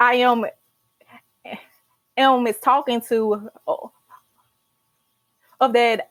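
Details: Adult woman, a senior college student who stutters and started speech therapy in college; stuttering.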